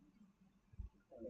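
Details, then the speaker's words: Brief low rumble and gurgle from an adult's stomach while speaking; the speaker says they are hungry. Stomach gurgling (borborygmi). "you hear my stomach is talking to you I'm hungry"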